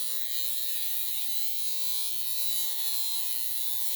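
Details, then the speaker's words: High frequency comb attachment set really high, combed through hair to the roots in hope of faster regrowth of damaged hair; steady high-pitched electrical buzz with faint crackle in a small room. "Anyways, I set this really high. Pretty high. And you just kind of comb through."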